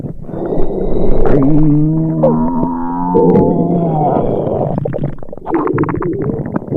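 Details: Simulated stomach rumbling from a sound-effects recording of an upset tummy: loud, low gurgling and groaning rumbles with bubbly churning.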